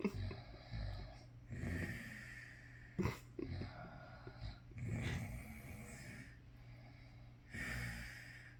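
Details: Sleeping male: quiet, irregular snuffling breaths with soft snorts and a low room hum; light snoring.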